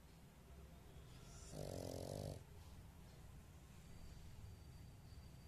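One rough, rattling snore-like breath from a small flat-faced dog against quiet room noise; snoring.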